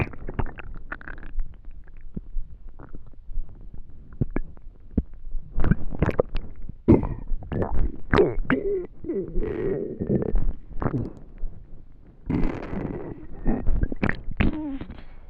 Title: Hungry stomach noises last video of the year 🎉🎊